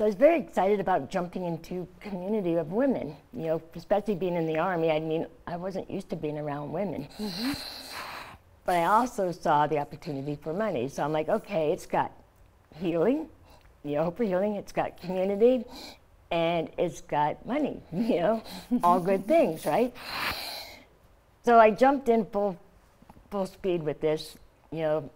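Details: Adult woman, stage 4 epiglottic cancer survivor, treated with surgery, chemotherapy and radiation; scar-closed airway, open tracheal stoma covered by thumb to speak; partial glossectomy for tongue cancer, no teeth or saliva glands; tracheostoma speech with mild articulatory imprecision.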